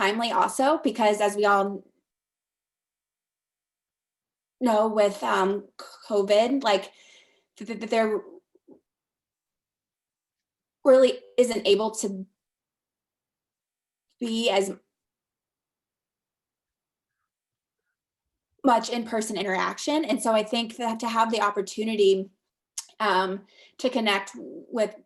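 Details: Adult speaker in a talk series run by a community of people who stutter; stuttering.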